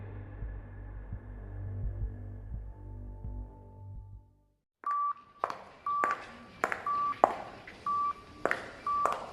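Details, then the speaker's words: Dramatized hospital-room sound effect in a Hindi audio story: soft music fades out, then a machine monitor beeps about once a second. "के कमरे में machine की beep सुनाई दे रही थी सिद्धांत एक पल के लिए भी शांत नहीं बैठ पा रहा था"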